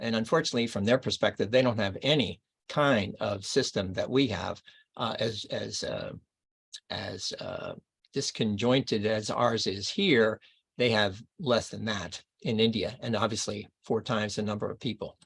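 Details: Adult man reading aloud within the first two years after a left-hemisphere stroke in Broca's area; archival recording; expressive aphasia with paraphasias (substituting unintended words) and poor reading ability.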